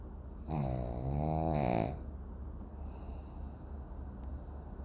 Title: Milo Sleeping thug life! #dog snoring #pug